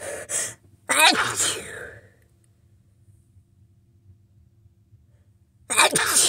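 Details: Two wet sneezes with sniffling between, then a quiet pause, from a person sick this week with congestion now all in the nose; congested sneezing from a head cold.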